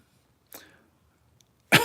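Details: Two short dry cough bursts from an adult, a softer one then a louder one, with quiet room noise between. The speaker feels lethargic with low energy.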